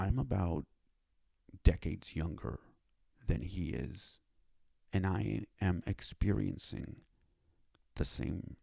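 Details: Adult male with cerebral palsy and a self-described speech disability, who needed five years to obtain speech therapy; speech impairment in cerebral palsy.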